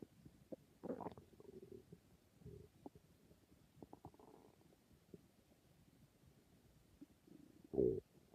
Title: My stomach growling